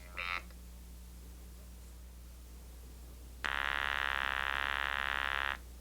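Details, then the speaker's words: Cooper-Rand artificial larynx, its tone carried into the mouth via a plastic tube so the vocal tract acts as a resonating chamber: a brief buzz, then a steady, flat mechanical buzz of about two seconds. "The Cooper-Rand generates a tone which is transmitted into the mouth via a plastic tube."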